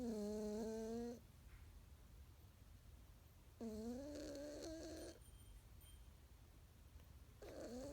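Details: Drawn-out whistling tonal snores about every three seconds with squeaky whimpering notes in a quiet room, from Alex sleeping and dreaming; snoring.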